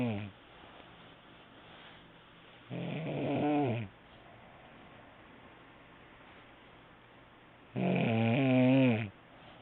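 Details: Person snoring, recorded on a mobile phone: two loud, rumbling snores about five seconds apart, each lasting about a second, with quiet between them.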